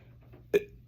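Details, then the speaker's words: Adult on day 4 of persistent hiccups after an ER visit, evolving from double to runs of up to six hiccups, a first audible one then smaller spasms: a single sharp, abrupt hiccup in a quiet room. "so it was like the the first hiccup you here and then after that there's multiple little hiccups or spasms if if if you will and you can really hear it when I talk otherwise it's pretty silent"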